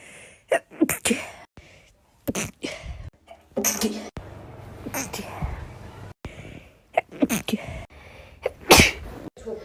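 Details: Compilation of women sneezing, possibly during hay fever season: several sharp, explosive sneezes from different women, some with a brief intake before, separated by short gaps and room noise.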